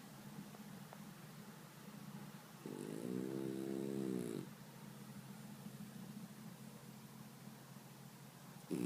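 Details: French bulldog snoring: soft steady breathing with one louder, buzzing snort-like breath in a quiet room.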